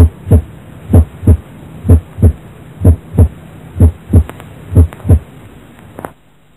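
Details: Normal heart sounds in a teaching recording: regular lub-dub pairs at about 62 beats a minute over a low hum, normal first and second sounds.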